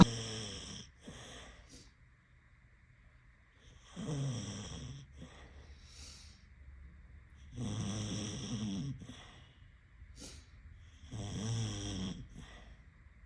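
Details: A sleeping pet snores in four regular rumbling breaths, each followed by a short snort and a quiet pause. Snoring.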